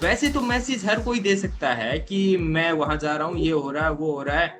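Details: Adult man speaking Hindi; Fluent speech.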